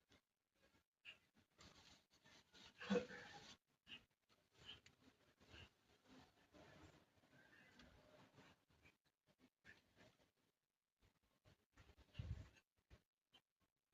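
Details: Child coughing and gagging in the morning: bursts of coughing with harsh, retching gag sounds in a quiet room.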